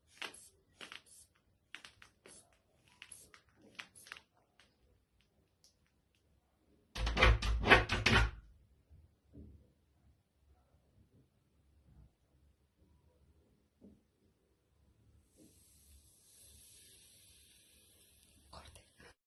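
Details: Medical students' demonstration of blood pressure measurement with a standard sphygmomanometer: repeated clicking bulb squeezes, then a loud ripping burst and a long soft hiss of released air during manual cuff inflation and deflation.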